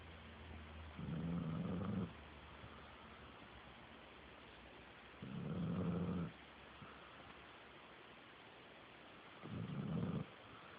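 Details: Three slow, deep, rumbling snores, each about a second long, about 14 a minute, in a quiet room; ordinary snoring.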